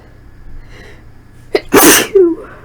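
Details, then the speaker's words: Induced sneeze from nasal irritation after hours of cleaning dust: brief intake of breath, then one loud explosive, messy sneeze with a trailing voiced sound. "so I'm going to induce a little bit and it hopes to alleviate some of this agitation that my nose has that's me trying to hold it back these are very messy very quickly cuz my nose is already bit on the Edge from the Dust"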